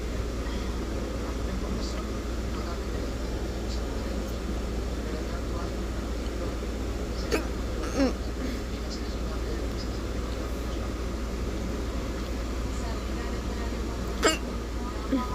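A few short, sharp hiccup sounds stand out over a steady low rumble of background noise.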